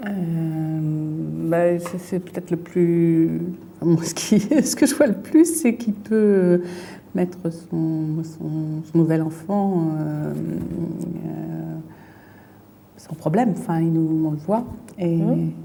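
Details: Woman with aphasia from a brain lesion, fluent speech with word substitutions and distorted words while searching for a word in picture description; fluent aphasia with word-finding difficulty.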